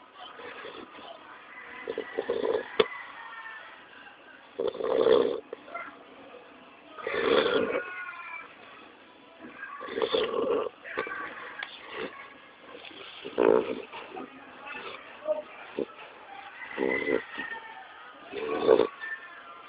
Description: My 3months old cute pitbull pup is snoring like a Man :)